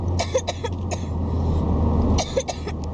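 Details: A child gives a few short, dry coughing bursts over steady car engine rumble while being given DayQuil cough medicine; cough.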